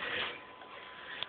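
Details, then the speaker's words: A pet animal sneezing, a brief airy hissing sneeze that blew mucus out onto the ground, followed by faint room noise. "she blew a big booger out on the ground. Oh. Ew. Look at that. Is it all the sneezing you got?"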